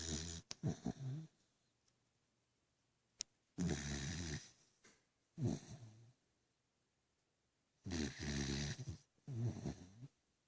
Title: Zelda dreaming & snoring